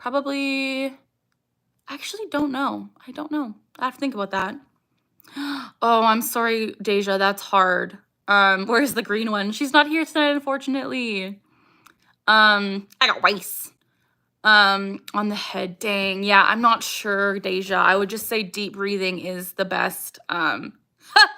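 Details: Young woman with Tourette syndrome, vocal tics saying "I got rice" (acquired a few years ago), barking and "ha"; also eye blinking and facial grimacing; tics increase with anxiety, excitement and during livestream Q&As; vocal tics.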